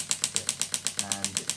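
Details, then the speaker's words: Shockwave therapy on a lower setting to a rock climber's sensitive elbow with a small tear, three months of pain: rapid sharp clicking pulses, about eight per second, a little noisy. "and this is the shock wave so we're going to put it on its lower setting today because the elbows are very sensitive and this is what it sounds like so it's a little bit noisy"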